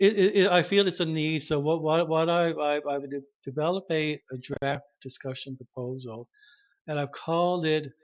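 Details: Cluttering in a 33-year-old woman, a speech-language pathologist identified as a person who clutters at age 25; bilingual French/English.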